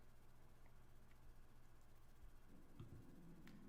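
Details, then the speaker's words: Quiet low room rumble, then a brief low gurgling growl near the end from the speaker's stomach; stomach growling (borborygmi), ordinary gut noise. "Ooh, stomach growling. Hope y'all hear that."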